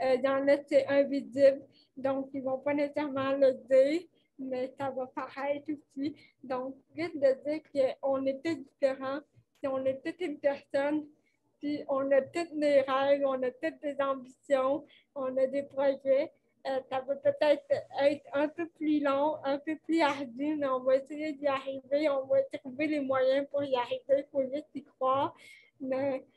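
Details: Dysarthria associated with cerebral palsy caused by lack of oxygen at birth, in a 29-year-old woman who appears to mention speech difficulties.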